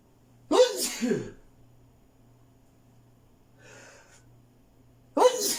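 Two sharp sneezes a few seconds apart, with a soft breath between them and a low background hum.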